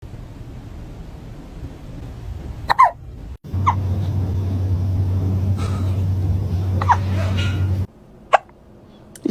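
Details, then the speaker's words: Cat hiccups, possibly after eating food too fast: several short, sharp hiccup sounds at irregular intervals over a steady low hum. "see what happens when you eat your food too fast, kebab?"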